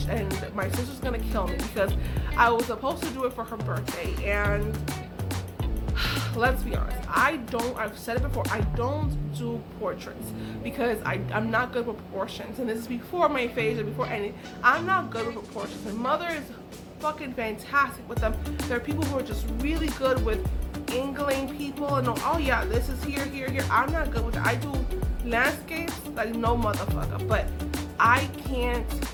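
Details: Adult woman with aphasia following a stroke, which she says took away her ability to talk, write and paint; aphasia.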